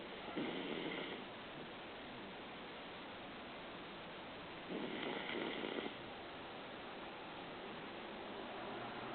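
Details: Recorded in 2015: soft, rough breathing noise rising twice over nine seconds against steady hiss, about one cycle every four to five seconds; quiet snoring.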